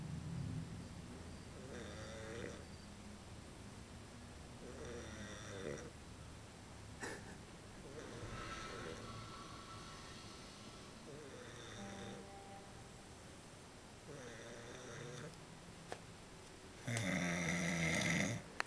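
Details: Man snoring: regular rough, rattling breaths about every two and a half seconds, ending in a louder snort; steady snoring.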